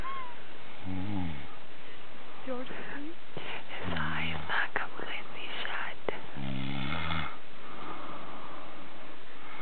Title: snoring 1